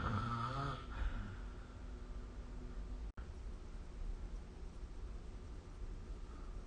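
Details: Snoring recorded with SnoreLab app: brief rough, buzzing snore at start, then steady low breathing noise in a quiet room.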